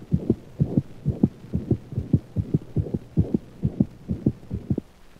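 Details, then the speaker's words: Dog, canine auscultation: anemic (hemic) systolic murmur, higher frequency than mitral insufficiency, limited to early and mid systole, loudest at mitral position, rarely radiating; fast regular heartbeat with distinct first and second sounds. "the first and second heart sounds are clearly heard the anemic murmur is loudest at the mitral position and unlike that of mitral insufficiency rarely radiates to other portions of the thorax"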